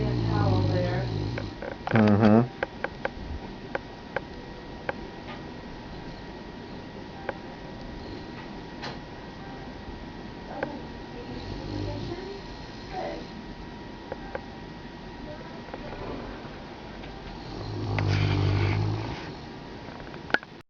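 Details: Great Pyrenees dog snoring: low rumbling snores, about three over twenty seconds, against steady room noise with faint clicks.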